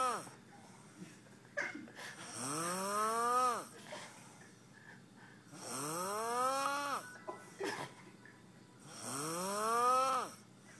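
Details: Adult man asleep; three long, loud, rising snores with pauses, about 18 a minute; heavy snoring.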